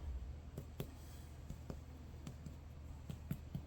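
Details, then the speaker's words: Short paired percussion taps over the lower abdomen during a head-to-toe exam give a dull note, probably from a urine-filled bladder, in contrast to tympany over the epigastric air bubble. "Sounds more dull over here, probably the bladder has urine in it."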